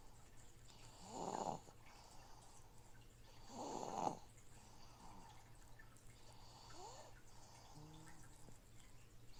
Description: Please enjoy my snoring baby while a noisy fishtank filter cycles water in the background :-)